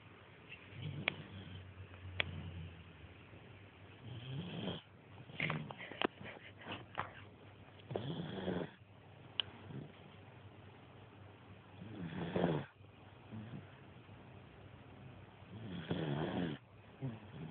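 Irregular rough snoring breaths, roughly 15 a minute, with quiet pauses between; occasional soft clicks in a quiet room.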